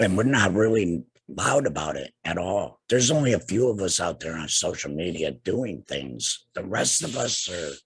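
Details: Adult man two years after laryngectomy for cancer treated with radiation and chemotherapy; no larynx, breathes through a neck stoma, speaks via tracheoesophageal puncture (TEP) voice prosthesis with HME; tracheoesophageal speech.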